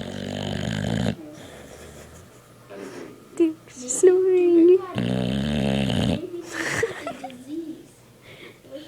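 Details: Heavy snoring: two loud, rattling inhaled snores about four seconds apart, with softer snuffles and a faint squeak between them.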